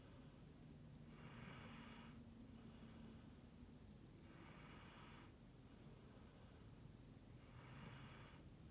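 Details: Husky dog snoring in sleep: three soft, airy snorts about three seconds apart, roughly 18 breaths a minute, over steady background hiss.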